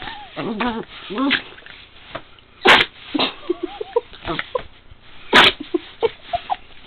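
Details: Small animal sneezing: two sharp, explosive sneezes amid whines and background voices. Sneezing.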